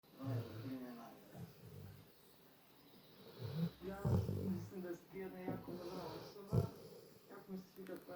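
Repeated low, rattling, snorting breaths with some wheezy edges, typical of a dog snoring, with faint room noise.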